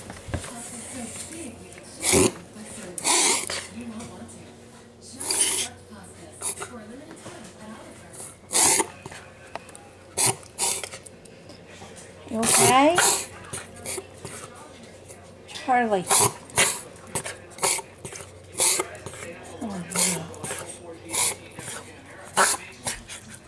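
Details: Dog named Charlie with repeated sharp snorting, honking breaths in quick bursts, typical of reverse sneezing; owner wonders if it is dog asthma or reverse sneezing; episode has lasted minutes.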